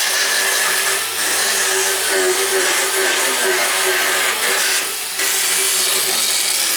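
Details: Loud continuous grinding whine with a rasping texture: a motorized dental float files the teeth of a horse during a veterinary equine dental exam.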